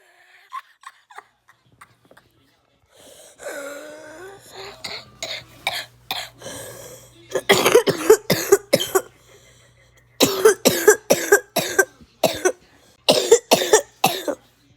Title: Coughing